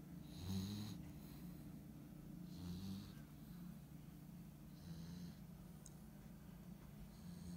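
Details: Husky puppy, tired after the day, sleeping: soft, low rumbling snores, about four breaths, each with a faint whistly hiss; ordinary sleep snoring.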